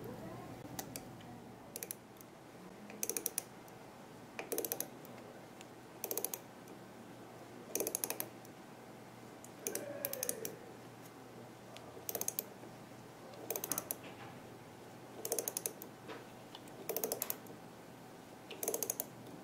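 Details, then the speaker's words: MIS C1 conical-connection dental implant, 3.75 mm by 13 mm, after reaching at least 35 Ncm, finished with a ratchet wrench: repeated sharp metallic clicking bursts about every one and a half seconds. "I'm going to finish placing it with the ratchet wrench for that I'll need the ratchet wrench adapter so I can use the same insert tool in my mis ratchet wrench"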